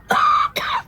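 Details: Two rough, harsh cough bursts from an adult TV character (Peg, Young Sheldon S1E14), an acted smoker's cough by a smoker.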